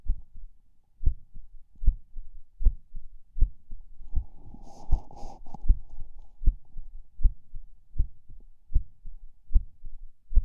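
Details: Person lying in bed falling asleep: soft heartbeat near 78 a minute with uneven spacing and occasional soft skipped beats, possibly PACs (uncertain), with a distinct split S2 and a faint hum midway.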